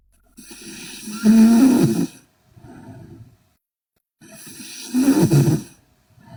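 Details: Loud, rough, rattling snores on each in-breath, quieter out-breaths and silent pauses: heavy snoring in a sleeping Korean girl.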